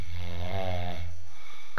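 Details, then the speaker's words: A sleeping male snores heavily: one deep, rumbling snore. "है की karate अन believe बल motoring times now व take the mic close to हि knows नाक के पास लेके जा हम सुनेंगे उसके खतरनाक खराटे"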